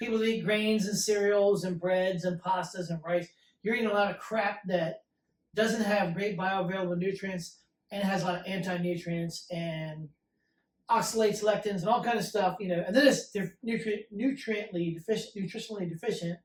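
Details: Adult speaker; typical speech.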